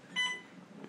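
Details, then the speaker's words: A single short electronic beep from bedside hospital equipment beside a woman in labor at 34 weeks 5 days, 6 cm dilated, waters not yet broken, awaiting an epidural. "but yeah like I say this thing is beeping at me"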